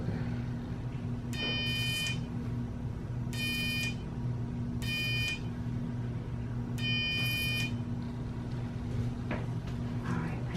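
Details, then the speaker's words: Four short buzzing bursts over a steady low room hum: electrocautery sealing small oozing blood vessels during blackhead extraction on the back. "little buzzing noise you're going to hear just a cotter that stops little blood vessels from loing"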